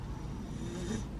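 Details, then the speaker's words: A soft, low rumbling breath with a faint buzzing tone from a sleeping young child, napping after skipping a midday nap, still holding toy cars: snoring. "giời ôi ngáy Úi giời ôi ngáy ngáy biết mọi người nghe thấy không"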